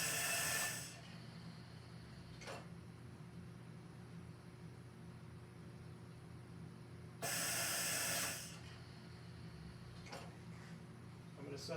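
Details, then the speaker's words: Mallard 2800 anesthesia ventilator at 8 breaths a minute with one-second inspiratory time: soft hum broken by one-second bursts of rushing air about every seven seconds as the bellows cycle. "so when I turn this on you're going to see the Bellows push down for exactly one second"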